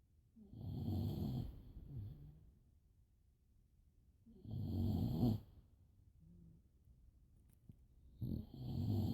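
Deep rumbling snores on inhalation, roughly every four seconds, with soft whistling breaths between; quiet room.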